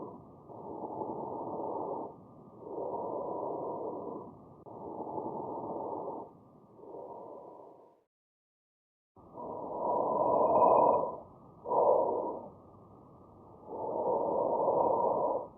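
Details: Soft, even rushing normal breath sounds heard by stethoscope during a student demonstration of chest auscultation, without wheeze or crackles.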